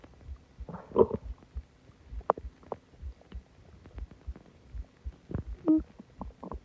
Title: Loud stomach growling and groaning after eating alot and drinking soda